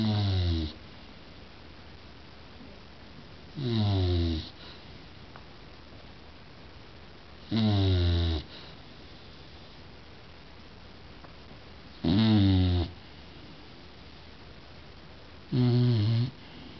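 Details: Bulldog snoring: five loud, rattling snores at steady intervals, about 17 a minute, separated by quiet pauses in a quiet room.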